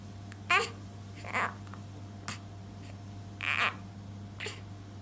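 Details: An infant's hiccups recorded 28/11/2015 in Valencia: short, sharp, high gulping sounds about every second over steady room hum; common harmless hiccups.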